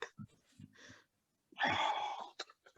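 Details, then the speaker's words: A pet dog lying on a couch with her head on the owner's thigh gives one rough, noisy snoring breath between a few faint snuffles while resting. "She's lying beside me with her snoring because she actually chills to the poetry sessions."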